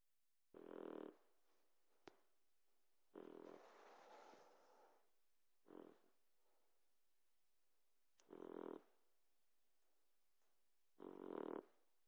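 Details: Boxer puppy asleep, snoring habitually: short, rough, throaty snores in irregular bursts, about five in twelve seconds, with quiet pauses; snoring.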